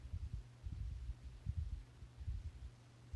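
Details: Cardiovascular assessment with a stethoscope at the aortic site, right sternal border, second intercostal space: regular paired lub-dub beats at about 80 a minute; normal heart sounds.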